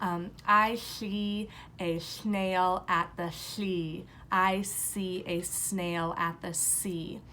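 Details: Lateral lisp on /s/, imitated (acted) by a speech-language clinician; air escapes out the sides rather than the front; can also affect Z, SH, CH and J, and is not a typical developmental pattern.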